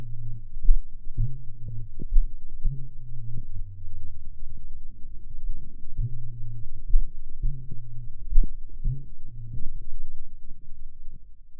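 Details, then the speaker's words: Horse with aortic insufficiency: slow heartbeat with a buzzing, kazoo-like diastolic decrescendo murmur after the second sound, from aortic valve fluttering as blood regurgitates; loudness does not indicate severity. "here's a diastolic decrescendo murmur in a horse with aortic insufficiency this murmur is readily audible because of the frequencies of sound involved the loudness of the murmur does not imply the severity of disease"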